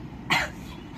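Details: One short, sharp cough over low room noise while a person drinks a kaada for an upset stomach; cough.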